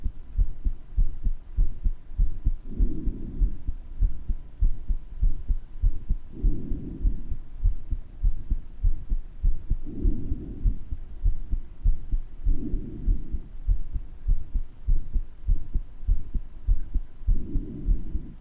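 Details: Uploader's own heart murmur recorded with breath sounds: steady heartbeat near 100 a minute with a murmur between beats and regular breath sounds over it, heard better at some moments than others.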